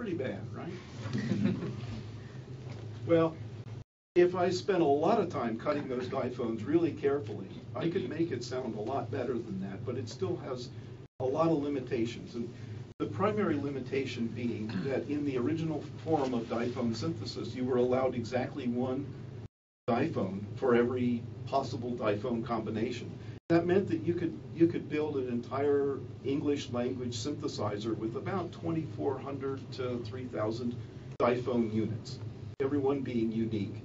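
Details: Adult man; normal speech.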